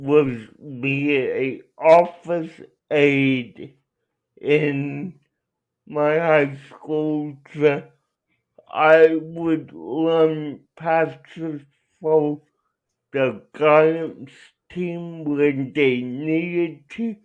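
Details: Adult male speaker; dysarthria (cerebral palsy).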